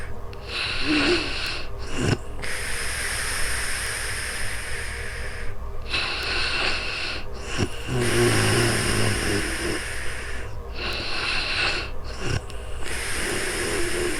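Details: Real-time sleep recording with snoring: rough, snorting breaths recurring about every five seconds over steady background hiss, recorded on a new microphone.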